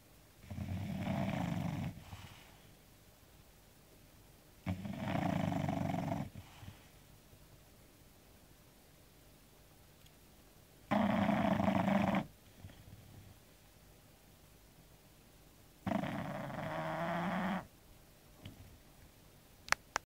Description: Daisy the Bulldog snoring after a hard day doing nothing.